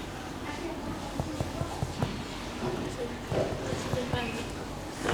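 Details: Abdominal percussion of an adult man during a routine abdominal exam, tapping across 13 points starting at the right upper quadrant; resonant percussion note.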